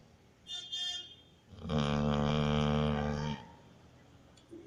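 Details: Labrador retriever puppy asleep and snoring: a soft nasal snort, then a longer, louder rattling snore on one breath; ordinary snoring.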